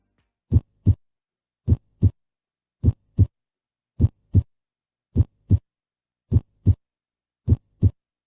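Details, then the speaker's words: Normal heart sound recording played in a veterinary seminar on canine cardiac disease, described as the same in dogs and humans: regular, rhythmic paired lub-dub at about 52 beats a minute, no murmur. Normal heart sounds. "보시면 되게 리드미컬하게 들리시죠 그러니까 우리 그 맨날 교수님이 가지고 뭐 설명해 주셨던 기억이 나는데 이게 보면은 처음에 딱 치는 소리가 딱 나는게 있어요"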